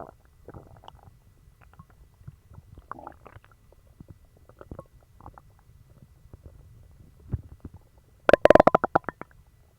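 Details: Stomach growling after eating dog treats, which gave a bellyache and ran right through: soft scattered gurgles build to a loud bubbling rumble near the end, active bowel sounds.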